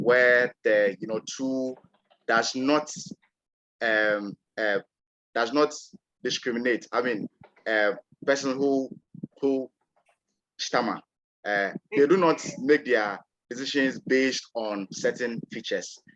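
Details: Stuttering (stammer) in an adult male panelist from Ghana who describes himself as a person who stammers.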